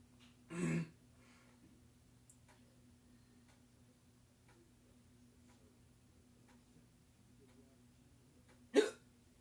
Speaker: Oh, God. I can't stop. I can't stop the hiccups, man.